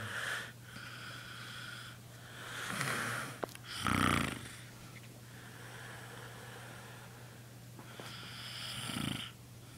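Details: Adult male asleep: loud, rough snoring breaths with a snort over steady low room hum; snoring.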